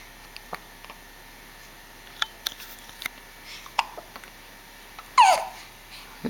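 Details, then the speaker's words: Hiccups: short, sharp catches of breath repeating at irregular intervals in a quiet room, with a brief fuss at the end, while someone remarks the hiccups are no fun. "These hiccups are no fun."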